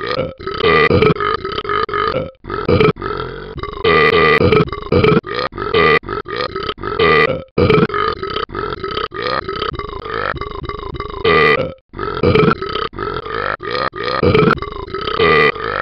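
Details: Animated character (Talking Ben the Dog app): a long run of loud, repeated belches; burping sound effects, not a real animal.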